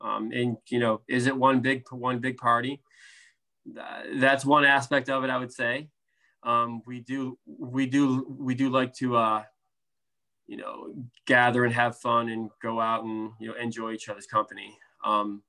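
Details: Adult man, a speech therapist who stutters, with blocks, prolongations, sound repetitions and interjections, and severity varying from day to day: stuttering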